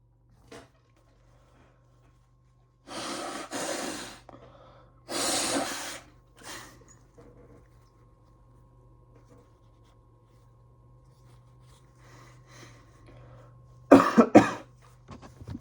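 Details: Noisy bursts of breath through the nose and mouth, heard as deliberately induced sneezes, with a sharp burst near the end; quiet room hum; sneezing.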